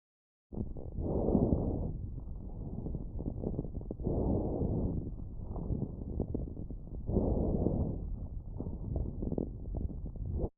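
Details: Child's lung auscultation recorded with a StethoMe electronic stethoscope, AI-classified: repeated low popping and gurgling crackles over each breath; coarse crackles, characteristic of bronchitis and pneumonia.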